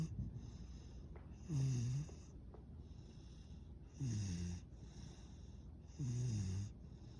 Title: A Loud Snores From A Yellow Labrador Retriever Puppy - Sleepy Dog